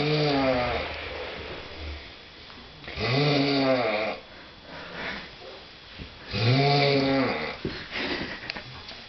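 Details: Loud, regular, rattling snores about every three seconds, with softer breathing between: ordinary snoring.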